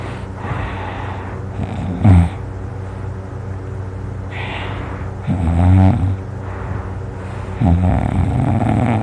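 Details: Loud, rumbling, fluttering snores against a steady hum, several breaths over nine seconds, from someone who drools while sleeping; very noisy, heavy snoring.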